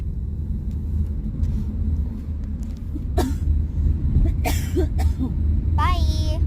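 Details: A few sharp coughs from an adult woman, the speaker's mother, in the background over a steady low rumble of room noise.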